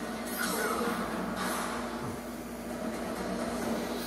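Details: Adult man using a newly prescribed CPAP machine with a mask and distilled-water humidifier at night, still adjusting and feeling lightheaded: steady rushing airflow over a low motor hum.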